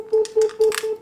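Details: Repeated steady high beeping in short bursts with faint crackle: harmonic scalpel (ultrasonic, 55,500 vibrations per second) activating during laparoscopic surgery, cutting vaginal tissue with open jaw for colpotomy, no smoke; harmonic scalpel activation tone.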